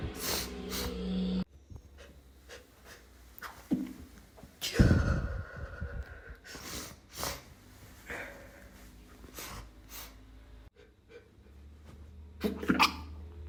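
Several muffled, held-back sneezes with snorts and breaths, some faint music behind; sneezes stifled to stay quiet.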